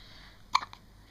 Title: hiccups, sneezes & feed time!.MOV